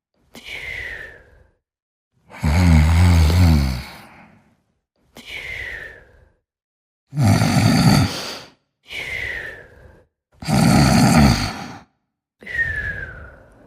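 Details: Sleeping snorer: slow, loud rattling snores on each inhale alternating with quieter exhales, about four to five breath cycles a minute; heavy snoring.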